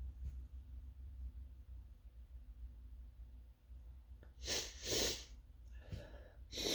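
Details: Person feeling they are coming down with something, working from home: quiet room with low hum, then three or four sharp sneezes in quick succession; sneezing.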